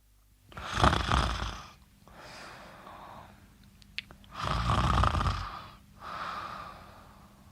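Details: Sleeping person snoring: loud, rough, rumbling snore on each in-breath with a softer, breathy out-breath, about 16 breaths a minute; snoring.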